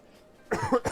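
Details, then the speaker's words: Adult gamer with a cough attributed to years of bad eating habits (not COVID), now less painful and less frequent after taking medicine, gives a brief quick double-burst cough after a moment of quiet; cough. "like as you can hear I can I still cough but it isn't as painful and it isn't as frequent"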